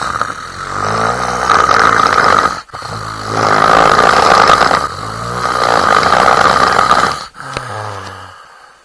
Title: stfu snoring for the love of christ!